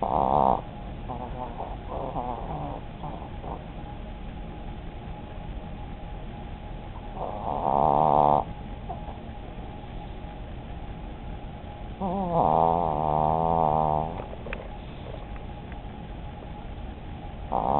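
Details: Old female chihuahua snoring while sleeping and dreaming, chewing in her sleep. Loud snoring bursts with gurgling, whistly tones alternate with quieter soft, noisy breathing.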